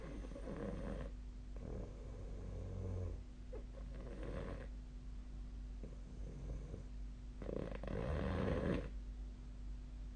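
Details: Snoring recorded with the SnoreLab app on 2025/01/30: low, rumbling snores during sleep, about three in ten seconds, over a steady background hum.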